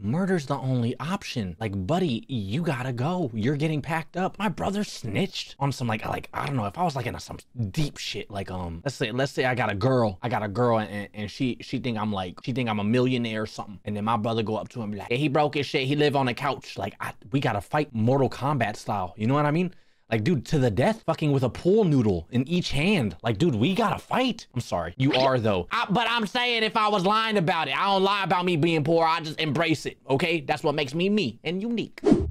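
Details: Adult man speaking; Normal speech.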